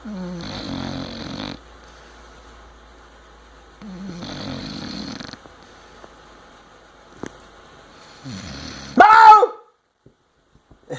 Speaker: Dog is snoring.